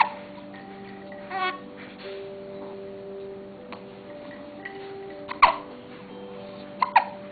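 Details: Hiccups: over steady background music, a few short, sharp hiccup bursts near the end, one closely followed by another.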